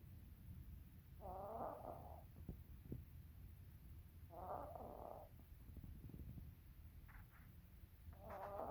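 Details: Cat snoring while asleep with eyes open: rough, buzzing breath noises recurring about every three seconds over a low rumbling background.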